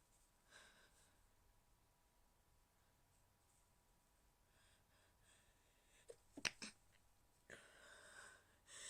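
Quiet room with soft breaths, then a brief stifled sneeze and a short exhale; a deliberately muffled sneeze.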